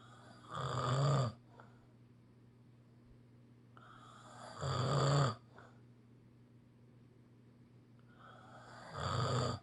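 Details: Snoring: loud, regular rattling snores with each breath in, about 15 a minute, with quiet pauses between.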